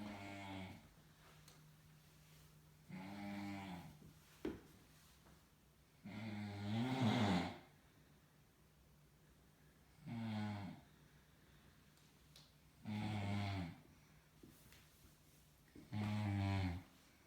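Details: Snoring: loud, low, rattling snores repeating about every three seconds, roughly 19 a minute, with quiet gaps between them in a still room.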